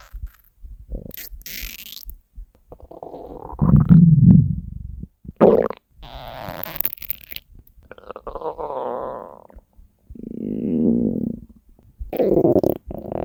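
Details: Low gurgling and rumbling bowel sounds in irregular bursts: hungry stomach growls (borborygmi), a normal bowel sound.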